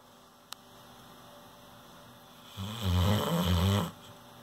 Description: Our new Saint Bernard pup Mabel. Her snoring is epic.